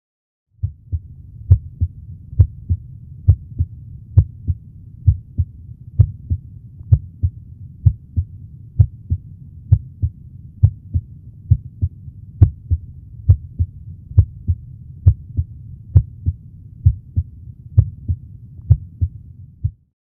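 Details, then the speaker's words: Normal heart sounds at Erb's (Botkin-Erb) point, third to fourth left intercostal space beside the sternum, an extra aortic valve auscultation site: regular, about 67 beats per minute, with first and second sounds equally loud. "П'ята точка, або по-іншому - точка Боткіна-Ерба. Це додаткова точка аускультації аортального клапану."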